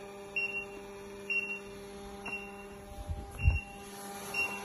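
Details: Defi 9 Plus biphasic defibrillator-monitor test shock at 100 joules on mains power: repeated short high beeps about once a second over room hum, with a low thud, after shock delivered.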